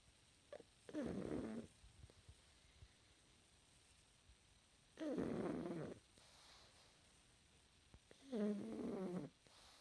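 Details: Pug dog fast asleep, snoring with slow, rattling, snorting breaths and quiet pauses between, about 18 a minute.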